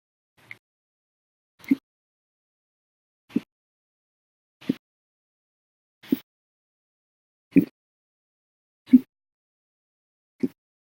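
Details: Hiccup bout recorded after breakfast, part of violent loud hiccups lasting 12 hours 30 minutes after lunch and soda: eight short, sharp hiccups about every 1.5 seconds, roughly 44 a minute, quiet room.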